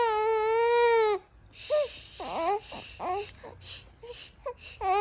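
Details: Infant aged 63 days after bottle feeding: long wailing cry followed by short broken whimpers and sobs; ordinary fussing cry.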